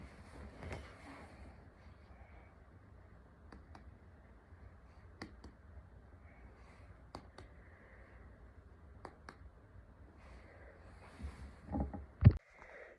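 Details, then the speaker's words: Abdominal percussion during a focused nursing abdominal assessment, percussing liver borders and spleen listening for dullness: soft, sharp finger taps, often in pairs, every couple of seconds in a quiet room. "now i'm going to percuss the liver and feel for borders as well as percussing the spleen i'm listening for dullness"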